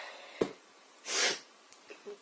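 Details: A quick sharp in-breath, then one loud hissing sneeze burst lasting about a third of a second, with faint room noise; sneezing.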